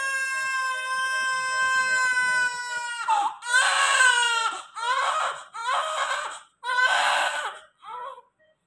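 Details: A newborn just delivered by caesarean section who needed NICU admission gives a long high-pitched wail, then several shorter rhythmic cries with brief gasping pauses; a vigorous newborn cry.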